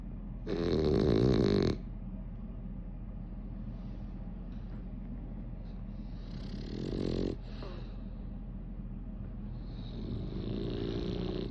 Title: Snoring 💤